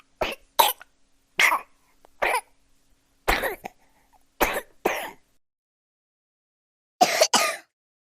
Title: Baby coughing sound effect without copyright , coughing noises